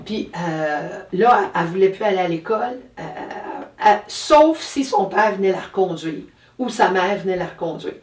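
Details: Adult woman speaking French; normal speech.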